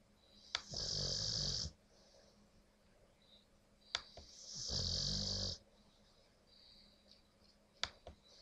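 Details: Snoring from a very tired dog, the newest family member, who also passes gas while sleeping: two long, rasping, whistly snores about four seconds apart, each starting with a sharp snort.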